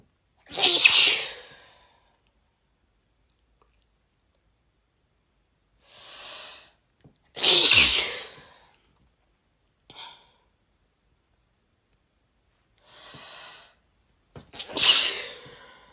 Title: Loud female sneezes 🤭